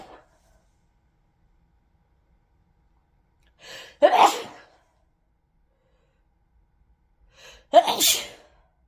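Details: Two sharp sneezes, each preceded by a quick inward breath, in a quiet room.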